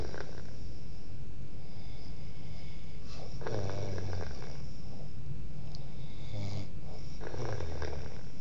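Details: Snoring recorded in 2008: low, rough rattling snores recurring every few seconds under steady background hiss.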